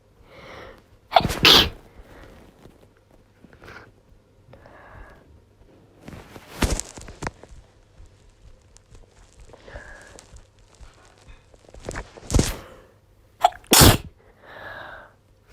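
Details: Female with a head cold, congested, coughing all day and losing her voice, making herself sneeze: four forceful sneezes with sharp bursts of air, each preceded by quick indrawn breaths.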